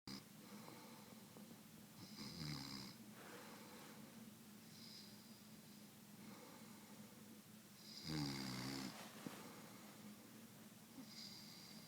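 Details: Two loud, rough, rumbling snores about six seconds apart over steady room hum; ordinary snoring.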